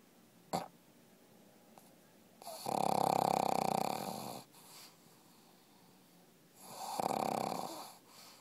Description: Lola sleeping and snoring in my lap